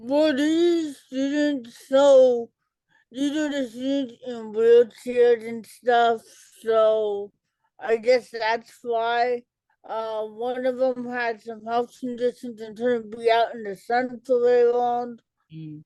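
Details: Dysarthria in an adult woman with cerebral palsy, an educator and author, who had a childhood speech delay with intervention and says she talks differently.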